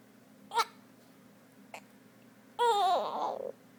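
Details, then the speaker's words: Newborn baby boy with hiccups. "Oh no, hiccups."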